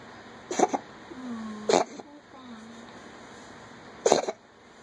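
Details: Three short, harsh hacking bursts with faint whining between them: a cat retching to bring up a hairball.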